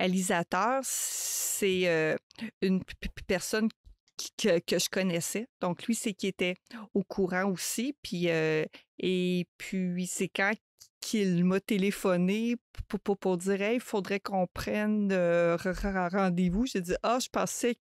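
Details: Adult woman who stutters, a mother of two, speaking French in a real podcast interview, with word and phrase repetitions; stuttering.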